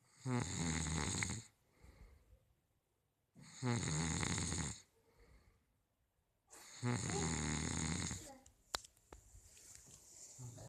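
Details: Heavy snoring filmed at night by the snorer's daughter: three loud, harsh, rattling snores on the in-breath, about every three seconds, with quiet pauses between.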